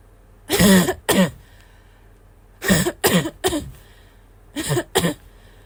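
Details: Barking cough: seven harsh, barking coughs in three short bursts, each with a rough, wheezy edge.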